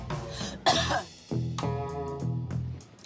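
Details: A single forceful adult cough from a woman, done on cue into a man's face for a germ demonstration, over background music.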